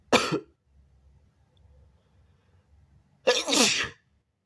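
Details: Person sneezing onto a mirror: two sharp, forceful sneezes with a quiet pause between them; sneeze.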